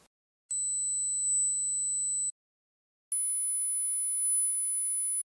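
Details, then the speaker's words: Simulated ordinary non-pulsatile tinnitus example: steady high-pitched ringing tones, then a high hiss with a whistle, sounding different but heard very consistently, unlike heartbeat-synchronized pulsatile tinnitus. "This common tinnitus sounds different, but it is heard very consistently."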